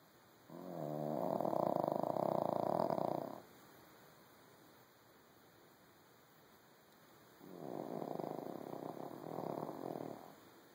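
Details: Small male dog napping after a busy day: two drawn-out, rough, rattling snoring breaths several seconds apart, with quiet room hiss between; snoring.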